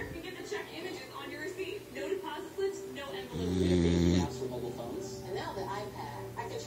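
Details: Sleeping dog giving one loud, low, rumbling snore that is louder than the television talk playing nearby.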